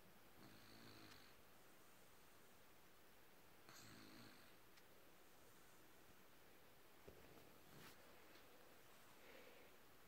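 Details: Soft, faint snores every few seconds under steady room hiss from a sleeping beagle; ordinary sleep snoring.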